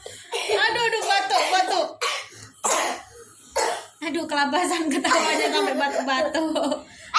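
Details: A young child laughs hard, then breaks into several short, sharp coughs between bursts of laughter, tired and out of breath from laughing.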